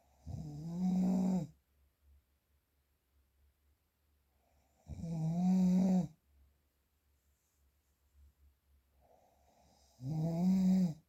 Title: The sound of - Snoring #4